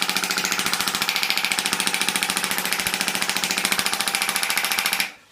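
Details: Extracorporeal shockwave therapy for tennis elbow; the patient has thickening of the distal tendons. Loud rapid hammering pulses, like a small jackhammer, for about five seconds, then stopping.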